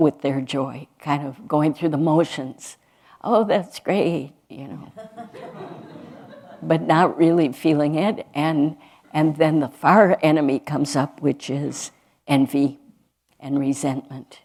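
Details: Adult woman speaking; normal speech.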